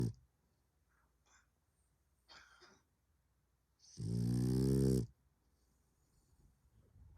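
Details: French bulldog snoring in sleep: one loud, rumbling snore lasting about a second, with soft snuffling breaths before it.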